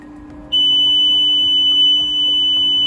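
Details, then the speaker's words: Sudden loud, steady high-pitched low flow alarm from a NIPPY 3+ home non-invasive ventilator, signalling a problem in the mask or tubing such as a leak or disconnection; it silences itself once the problem is fixed. "once you've solved the problem the machine will automatically silence the alarm itself so if the ventilator was too alarm for a low flow alarm you would expect to see this"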